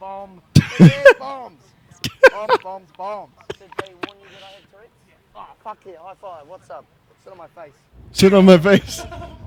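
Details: Vocal tics in an adult man who says he has Tourette syndrome, recorded on an airplane; tics involve repeatedly saying words he tries not to say, reportedly worsened by nervousness.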